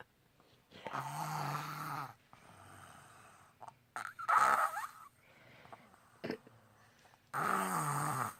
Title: The wise 5: when your 4 yrs old daughter snores louder than u